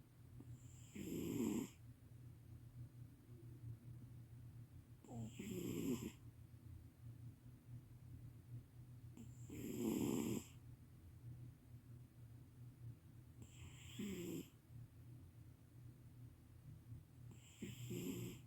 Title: Sleeping cat snores loudly, wakes up, goes back to sleep immediately | The Bini